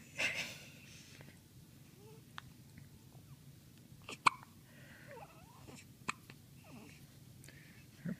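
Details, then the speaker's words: Three-day-old newborn girl with hiccups after her first good feed: soft, brief, sharp catches every second or two in a quiet room; ordinary, harmless newborn hiccups. "I commented earlier that uh your rolls jiggle when you hiccup"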